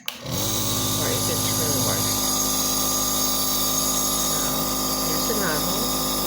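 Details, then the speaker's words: Surgitech mini nebulizer compressor switched on for a demo using clean water: steady loud buzzing motor hum with a high whine, starting abruptly and running continuously. "so how the nebulizer works let me try it now i just plug the compressor in and see how it works"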